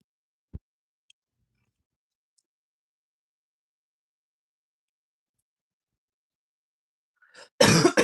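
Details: Near-silence with a faint click, then one abrupt, harsh cough or throat-clearing burst at the very end, from an adult scratching lottery tickets who says something hit them in the throat.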